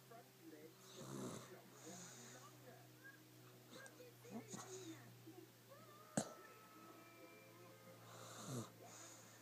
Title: Snoring